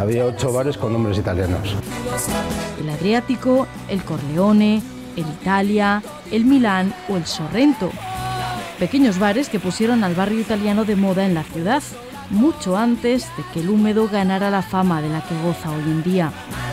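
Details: Adult narrator; normal speech.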